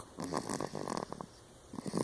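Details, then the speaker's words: A 4-month-old female, asleep after her vaccination shots that day, gives soft, rattly, fluttering breaths in short bursts with quiet gaps between. Light snoring. "and now she is passed out and snoring like the little lady she is."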